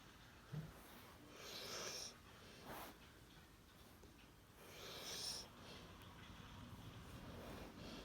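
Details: Dog snoring in sleep: two noisy sleeping breaths with a faint whistling edge over room hiss.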